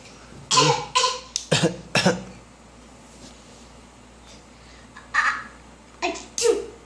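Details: A child acting out a cough (simulated, not illness): about nine short, forced coughing bursts with quiet gaps between them.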